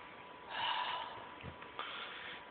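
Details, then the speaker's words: Pet animal repeatedly sneezing, having just blown mucus out onto the ground: a forceful nasal burst of air against faint room noise; sneeze. "Is that the end of her sneezing?"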